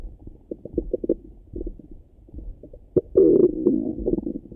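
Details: Bubbling, gurgling abdominal sounds in short bursts with a louder rumbling run near the end, in the morning; ordinary bowel sounds (borborygmi).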